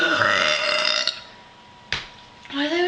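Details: Two girls in a burping contest after chugging a 2 L Dr Pepper: a long, loud, voiced burp, then a sharp click and the start of another burp-like sound.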